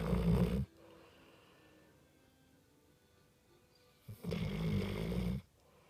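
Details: American Staffordshire Terrier (pit bull) asleep with eyes open, exhausted, snoring: two loud, low rattling snores about four seconds apart, quiet exhalation between.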